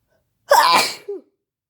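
A single forceful sneeze with a sharp intake and explosive burst, trailing into a short voiced tail.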